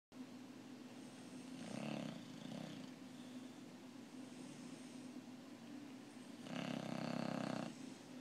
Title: Bulldog Snoring